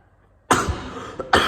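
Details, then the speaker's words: Cough in a person with an ongoing cough that gets worse especially when eating and is now improving. "oh sorry guys recently I've been I mean ever since until now the coughing situation is really well I mean even when especially when I'm eating it's really getting worse"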